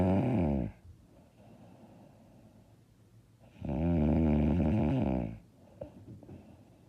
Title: I SNORE SO LOUD AND HARD